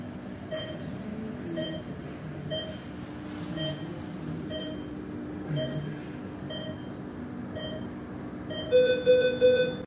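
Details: Regular ICU patient monitor beeps about once a second over low background noise, ending with three louder alarm tones, from a sound-effect recording: patient monitor beeping with alarm.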